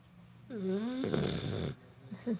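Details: Snoring in an 11-week-old female bullmastiff puppy taking a nap: a drawn-out, pitched snorting in-breath, then a harsh rattly flutter and quieter snuffles.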